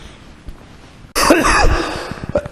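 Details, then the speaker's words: An adult repeatedly interrupted by coughing gives one loud, harsh, throaty cough after a pause, then a brief smaller sound. "I mean, I want to document the mental health meeting yesterday, and I can't do that because I keep coughing."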